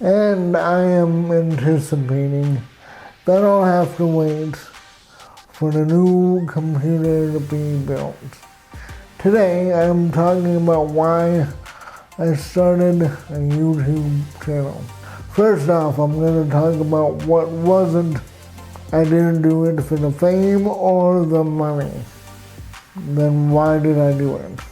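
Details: Adult man with cerebral palsy: dysarthria.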